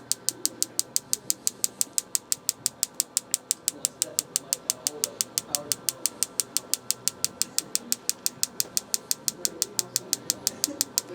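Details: Sharp, evenly spaced clicking pulses, about three per second, over faint room noise: a focused shockwave therapy device delivering treatment pulses to a patient's hip for chronic hip pain, during a chiropractic demonstration.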